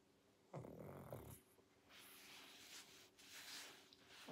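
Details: Pug sleeping, snoring and snorting: short throaty snorting snore, then soft noisy breathing.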